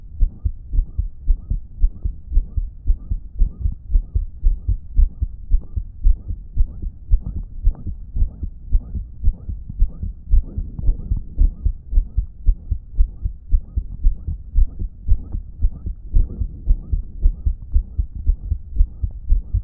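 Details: Own phone recording of a person with a damaged heart on a day it was reportedly not pumping effectively: regular heartbeats with a loud blowing whoosh filling the beats, a heart murmur.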